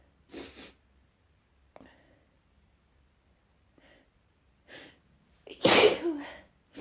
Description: I have a little cold actually... so i woke up with a little tickle in my nose which got me Sneezing like that .... 😏😏😏